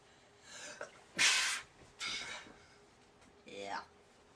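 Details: Person in bed during a sneezing fit, around the fourth sneeze, with many more following; two loud sneezes with soft breathy lead-ins and a short voiced sound after; repeated sneezing.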